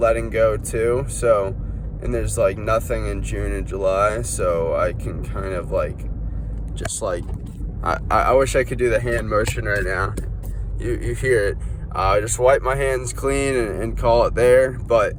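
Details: Stuttering with whole-word repetitions in an adult man, undiagnosed; he links it to feeling unwell, with burning in his head and foot pain, and suspects cerebrospinal inflammation.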